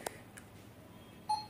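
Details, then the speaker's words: Short, high electronic keypad beeps from a syringe pump with a 50 ml syringe as the small arrow key is pressed to adjust the infusion rate to 5 ml per hour. "ادوس هنا على السهم الصغير ده كده لحد ما ايه خمسه معايا"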